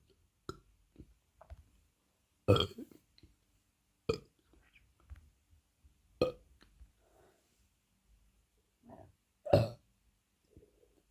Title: gassy stomach with deep gassy burps after big dinner!